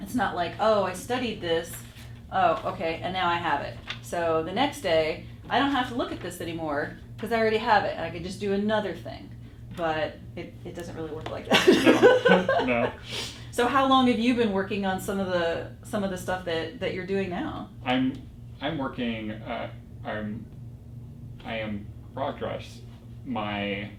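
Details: Non-fluent aphasia in a young man, 4 years after a stroke that caused global aphasia, progressing from severe non-fluent aphasia; word-finding difficulty.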